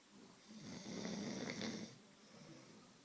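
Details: Person sleeping: a single rough, rattling snore swells on the in-breath, then fades into quiet breathing.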